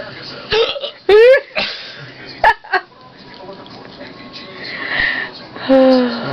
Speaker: has the hiccups and it's pretty funny they're gone oh no they turn no they're not gone